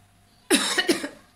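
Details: One short, harsh cough in two quick bursts in a quiet room, from a woman who says she is a bit ill: cough.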